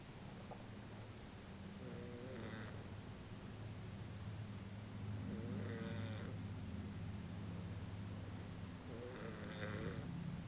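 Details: Three soft rattling snores about every four seconds over a steady low room hum; snoring.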